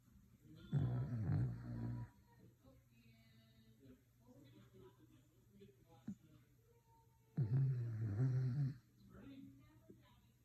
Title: Listen to this dog snore #dog